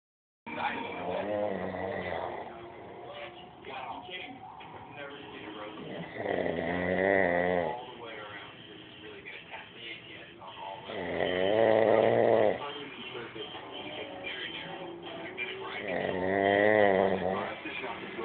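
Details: Father snoring: slow, loud, rattling snores on each breath in, about every five seconds, with softer breathing between them.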